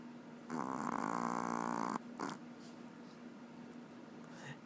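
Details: Chihuahua snoring while snuggled asleep in a jacket: one long buzzing, fluttering snore, then quieter breathing.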